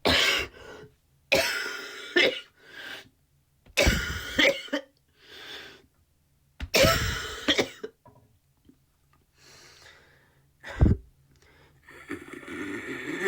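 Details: An adult who was recently sick gives several loud, harsh coughs in series, with brief pauses and throat clearing between them, recorded as sound samples.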